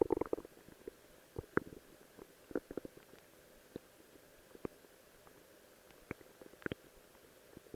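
Scattered soft gurgles and brief squeaks from the belly against a quiet hiss; ordinary stomach growling, a normal sound of digestion.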